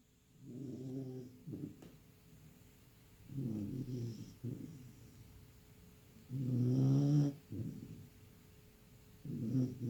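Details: Bull Terrier puppy napping after long play: low, rattling snores about every three seconds, roughly 20 a minute, with quiet pauses between them; snoring.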